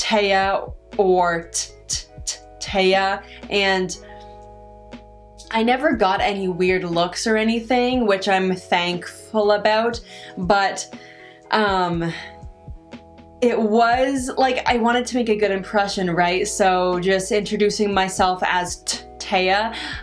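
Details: Adult woman with stuttering, which she says varies with her stress and anxiety; stuttering.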